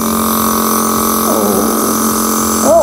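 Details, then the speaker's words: ABN CN-09 compressor nebulizer just plugged in and switched on to test its noise: a steady electric motor hum with a constant drone. "kita coba langsung saja seberapa bising alatnya kemudian seberapa besar partikel yang dihasilkan oke sudah saya tancapkan ke stopkontak kita langsung coba"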